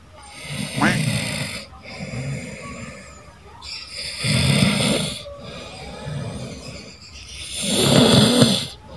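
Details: Younger sibling sleeping while being pranked: loud, rough snoring bursts on each breath, about 17 a minute, with quiet breathing between; ordinary sleep snoring.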